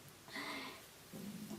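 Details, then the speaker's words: Hungry stomach growling before lunch, around quarter to two: two brief, low, gurgling rumbles with a squeaky tonal quality, one loud (borborygmi). "Boom. My stomach's really rumbling. I'm really hungry, but I want to make this video before I make lunch with me and my friend."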